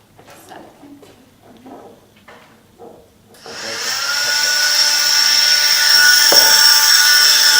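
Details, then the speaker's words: Stryker oscillating cast saw, which oscillates rather than rotates, removing a hardened cast; animals are anesthetized for this. Brief quiet speech, then the saw starts and builds to a loud, steady high-pitched whine while cutting. "so this is a striker saw and so once the cast is hardened again they're going to have to be anesthetized to do this uh and it's very it's pretty hard to cut the animal with this saw because again it doesn't rotate it just oscillates"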